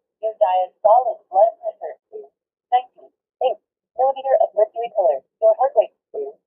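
Synthetic voice speaking short announcements in clipped phrases, a blood pressure monitor reading out its commands and result.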